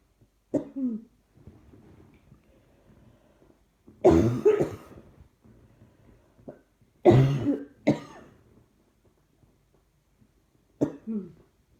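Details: Several separate cough bursts, some doubled, with quiet gaps and faint throat noise between them; trying not to cough seems to make it happen more; repeated coughing.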